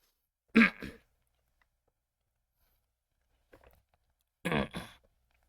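Two forceful, rasping throat clears, each in two quick pushes, with a faint softer one between them, in a quiet small room: throat clearing.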